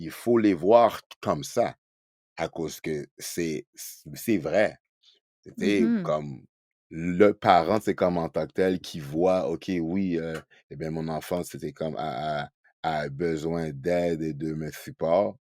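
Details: Adult man who stutters, speaking French in a podcast interview; he is real, not acting, and is a spokesperson for a Quebec youth stuttering association. Finding: stuttering.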